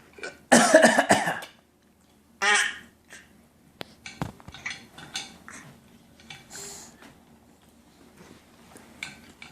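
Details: Girl copying her father's coughing: two short pretend coughs, one loud and harsh, then a softer one, made on purpose in play; voluntary cough.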